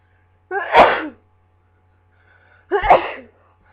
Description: I thought the worst of my cold was over so I went into work but later this fit happened.